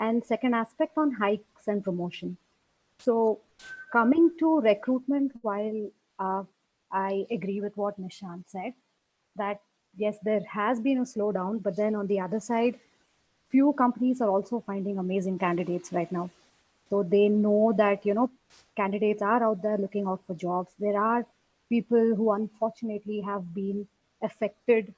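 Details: Adult woman speaking; fluent speech.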